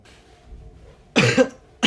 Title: sniffle, throat clear, cough and sneeze(1)